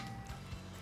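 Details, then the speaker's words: Two soft clicks over background music as new electrode pads are pushed into a Philips HeartStart OnSite AED and lock into place. "You take the new pads and pop them into the device until you hear it click."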